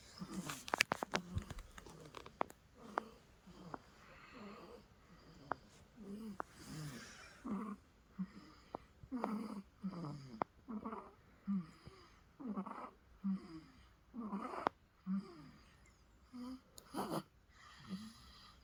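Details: A baby snoring in sleep: short rattly snorts with each breath, about 20 breaths a minute, some with a faint whistle, from noisy upper-airway breathing.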